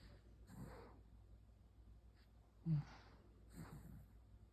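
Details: Snoring from a sleeping rescued puppy that also twitches in its sleep.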